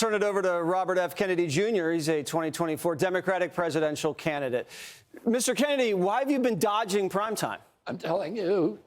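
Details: Adult man speaking; typical voice.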